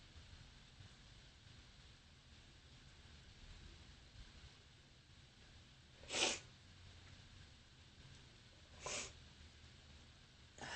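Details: Adult with bronchitis: two sharp, forceful, harsh sneezes a few seconds apart in a quiet room, using up an entire hanky; sneezing.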